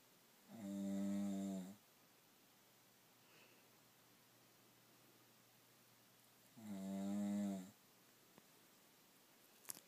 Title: The cone of shame snore